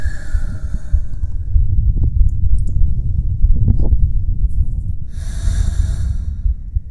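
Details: Slow, quiet, calm breaths with a soft airy hiss over a steady low rumble, from an ASMR heartbeat-and-breathing recording for falling asleep: normal breathing.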